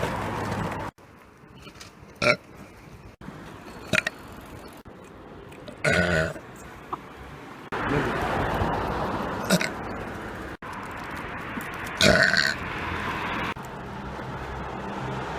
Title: Burping In Public Prank 3 (GONE RIGHT)